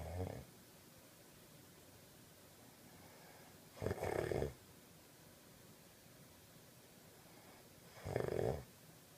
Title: My sleeping (and snoring) babies!